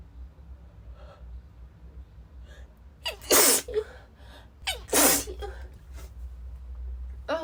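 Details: Female with a cold: two loud, explosive sneezes, each with a sharp intake before the burst, in a quiet room; repeated sneezing.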